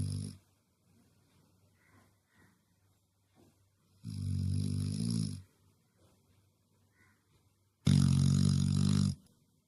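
Loud, long, rumbling snores on each breath, about one every four seconds, with quiet breathing between them; ordinary snoring.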